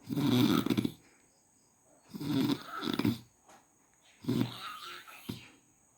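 Harsh, rattling snores in irregular bursts with snorting breaths between them, roughly 30 a minute; noisy snoring.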